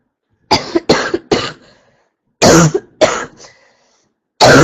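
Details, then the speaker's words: Girl coughing while sick: several short, harsh coughs and throat clearing in clusters with pauses. She says she had mucus at first but none now, and it is really hard to breathe. "I did have mucus at first, but now there's no mucus. Now it's just really hard for me to breathe [cough] >>"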